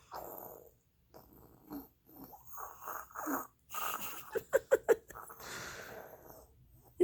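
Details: Young child imitating snoring while told to lie down and sleep: breathy snorts and short sharp grunting puffs; playful imitation, not true sleep snoring.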